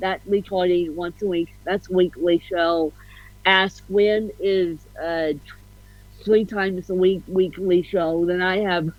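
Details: Adult woman with ataxic cerebral palsy (self-described ataxic-spastic, a "mixed bag" of CP), officially diagnosed at 31, with a slight speech impediment; ataxic dysarthria.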